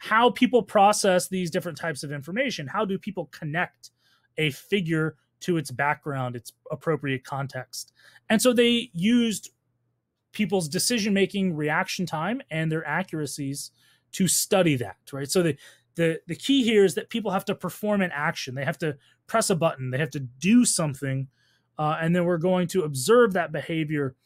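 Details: Adult speaker, lecture narration; normal speech.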